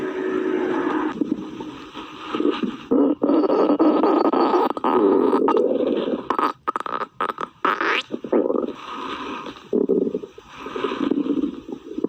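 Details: Long, low gurgling and rumbling growls with squeaky bubbling breaks from a hungry stomach; normal bowel sounds.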